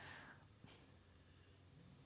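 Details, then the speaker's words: Faint, brief snorting breath sounds from a sleeping dog snoring in the background, over low room hum, during a soft yoga breathing demonstration. "if you can hear some snoring in the background it's my dog"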